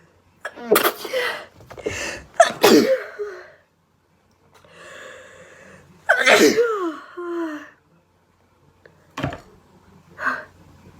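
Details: A girl sneezing repeatedly: a run of several sharp, explosive sneezes, some with a quick in-breath before them and brief pauses between.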